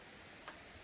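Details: A single sharp click against quiet room noise as the hip is lifted and lowered, simulated demonstration of internal snapping hip: iliopsoas tendon snapping over the anterior inferior iliac spine, linked to tight, tense iliacus and psoas.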